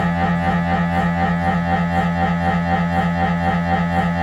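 Loud, steady, fast buzzing knock at about four pulses a second with a low hum: typical MRI scanner noise during a routine head scan.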